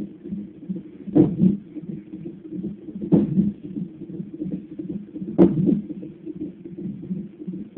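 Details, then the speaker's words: Fetal hiccups with heartbeat: fast, steady fetal heartbeat on a Doppler monitor, broken by three louder hiccup jolts over eight seconds. "My baby having the hiccups. Poor baby has the hiccups. They make him mad."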